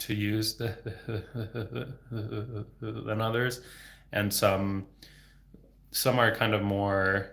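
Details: Adult male speech-language pathologist who has stuttered since age 8, for 26 years, speaking without fluency techniques; stuttering with sound, word and phrase repetitions and blocks.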